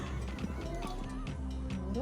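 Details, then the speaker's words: Rapid, regular whooshing fetal heartbeat on ultrasound at 148 beats per minute, a normal rate, under music; male fetus at 18 weeks' gestation, 4D/3D scan, after a subchorionic hematoma and miscarriage scare at 13 weeks. "it's 148 beats per minute so that's good that's normal heartbeat"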